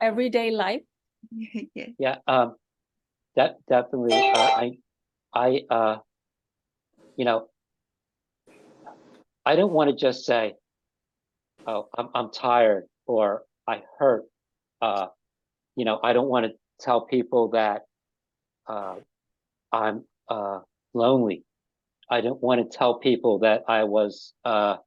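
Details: Ischemic stroke five years earlier in an adult man, with resulting aphasia; halting speech with frequent pauses and fillers; aphasia after stroke.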